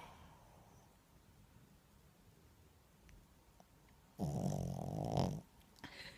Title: Snoring doggie